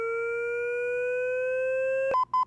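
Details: Steady tone slowly rising in pitch as a Physio-Control 20E defibrillator in AED mode charges after "shock advised" in a training demonstration, then short pulsed beeps once ready to shock.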